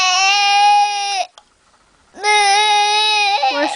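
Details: Young child crying for daddy, who is at work; loud, sustained high-pitched crying in two long wails with a pause for breath.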